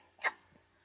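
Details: A newborn baby girl hiccuping: a single short, abrupt, squeaky hiccup in a quiet room.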